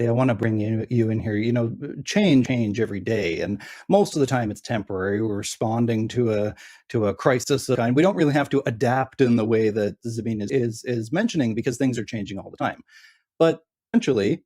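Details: Adult male speaker; normal voice.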